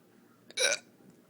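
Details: A single abrupt hiccup: a faint click then a sharp, breathy gulping sound lasting a fraction of a second, in a quiet room, from an adult with hiccups after dancing and drinking.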